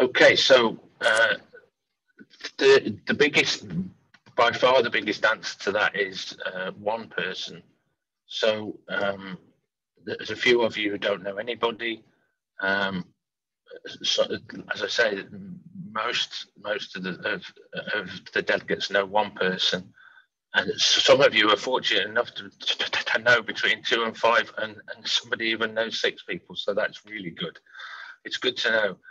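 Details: Adult man who stammers, speaking openly with his stammer; stammering.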